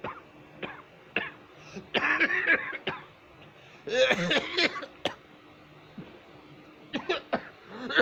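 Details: Two adults, a woman and a man, cough repeatedly in harsh, irregular bursts, with a few sharp single coughs and some throat clearing: a persistent, forceful cough.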